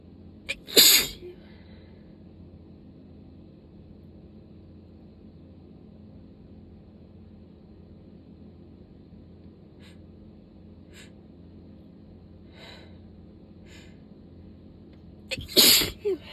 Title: 7/19 - not done! The rest of the sudden sneezing fit 😂